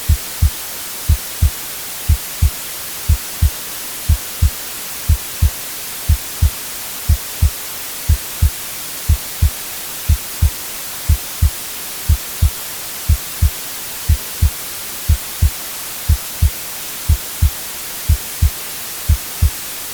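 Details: A steady, regular lub-dub heartbeat at about 60 beats a minute under constant soft white noise, made as a sleep sound for babies: a normal heartbeat.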